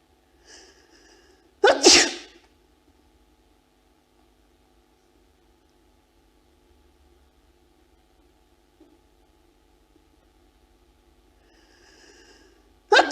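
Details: Female sneezes from Ulf Lundin's 1999 "Bless You" project, in which people were given something to provoke a sneeze and filmed alone trying to hold it back: a short in-breath, a sharp sneeze, then another after a long pause.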